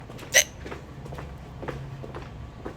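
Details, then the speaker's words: A person with hiccups: one sharp, abrupt hiccup over a steady background hum and faint noises. "what I usually do is I hold my breath and I go it we got hiccups I try to force a a burp out of my diaphragm and I usually I can blow them right out"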